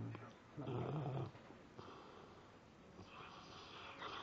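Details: Sleeping Labrador retriever, apparently dreaming or having nightmares with moving eyes; onlookers compare it to convulsions: one low, rough snore rumble then quieter breathing, with people talking; snoring.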